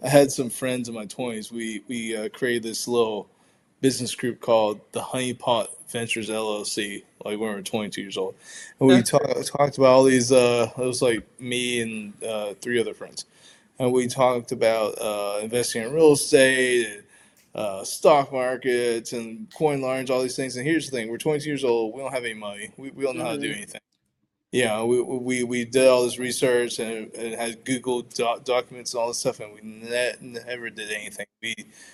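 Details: Adult man who stutters, with a stutter very pronounced in childhood with blocks and varying day to day, speaking with repetitions; stuttering.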